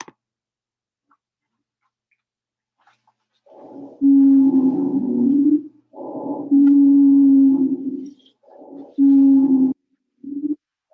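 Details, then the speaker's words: Expiratory wheeze in a teaching example of airway obstruction: clear breath sounds on the way in, a steady musical whistle only on each breath out. "so that's what we're hearing is expiratory wheeze you guys heard queer long sounds on the way in right and only the wheezing on the way out"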